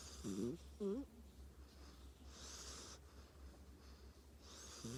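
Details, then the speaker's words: Snoring of a sleeping dog named Tank: quiet, irregular snorting snores with soft nasal whistles over a steady low room hum. "Hi, I'm Tank. It's my snoring sound.(ASMR)"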